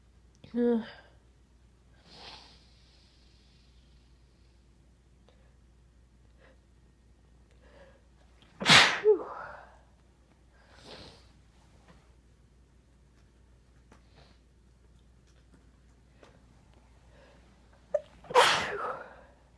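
Two sharp, explosive sneezes with sniffs and quiet build-up breaths between them in a quiet room.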